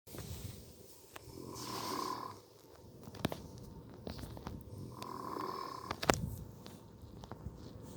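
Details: Two loud rattling snores with a whistling edge, each on a breath in, about three seconds apart; snoring.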